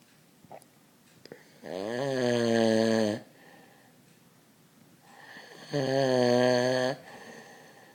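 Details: Heavy snoring: loud, rattling, buzzy snores on the in-breath, about 16 breaths a minute, with quiet breathing between.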